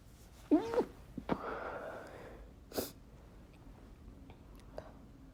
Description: Decided to try my hand at stifling chhinkni sneezes. It was a bit hard and a few slipped out.